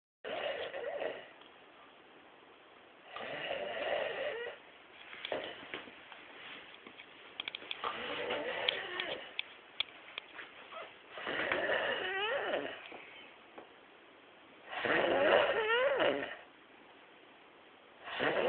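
Loud, rough, rattling snores with brief whistling parts, repeating in uneven breath cycles: snoring.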